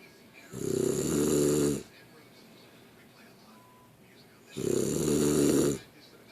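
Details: Snoring: two loud, rattling snores on breathing in, about four seconds apart, with quiet exhalations between.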